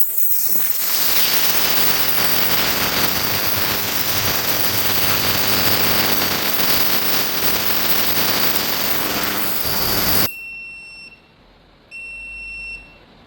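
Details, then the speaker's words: Loud, steady hissing hum of a portable 2.5 L ultrasonic cleaner cleaning glasses in a soap-based solution, then it stops and high beeps signal the cleaning cycle is over. "So that sound will tell you that the cleaning cycle is over."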